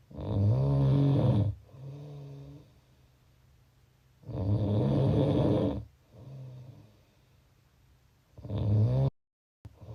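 Loud, low, rattling snores on each in-breath with softer snoring out-breaths, about fifteen breaths a minute; ordinary snoring.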